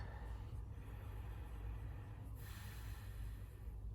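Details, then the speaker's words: Z2 Auto travel CPAP with N30i mask, auto-on when user starts breathing at bedtime: low steady airflow rumble with soft breathing through the mask, machine running normally. "So I can just start breathing, the machine's gonna turn on. And it's off and running."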